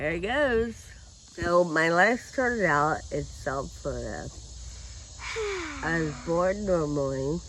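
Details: Adult woman with Friedreich ataxia who uses a wheelchair: ataxic dysarthria.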